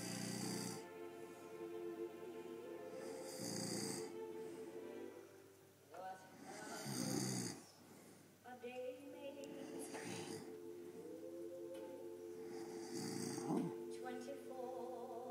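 Rough snoring breaths about every three seconds, roughly 20 a minute, partly covered by music with singing.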